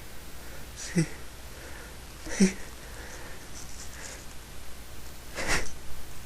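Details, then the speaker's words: Person in a repeated sneezing fit, sneezing again and again: a few sharp sniffs and a short burst, then one forceful explosive sneeze; an ordinary sneeze. "I think that's it for now. I got one more belly. I'm gonna sneeze again."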